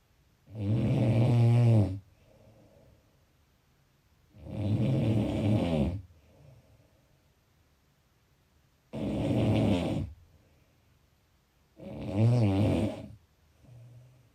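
Loud, rattling snores about every three seconds, roughly 15 a minute, each followed by a softer exhale in a quiet room.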